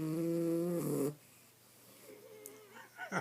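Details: Sleeping miniature schnauzer dog: one loud, tonal, wheezy snore about a second long, then quiet breathing and a softer nasal whistle as the next breath starts; snoring.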